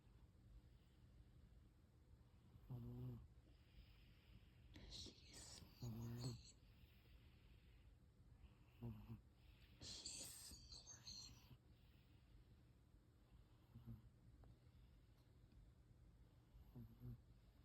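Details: Snoring at midnight: soft, irregular low snores and snorts with faint whispering and hissy breaths in between; light snoring.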